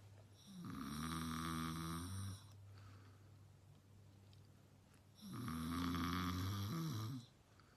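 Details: Adult male, a brother, filmed snoring as a prank: two long, loud, vibrating snores on the in-breath, each about two seconds, with quiet breathing between; heavy snoring.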